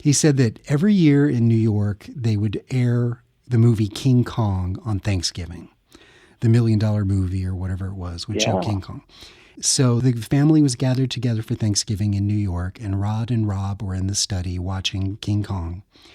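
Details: Adult male speaker; normal speech.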